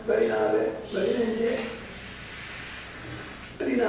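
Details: Tracheoesophageal speech in Tamil from a patient with total laryngectomy in 1993 using a Blom-Singer prosthesis via tracheoesophageal puncture; counting and naming months and weekdays.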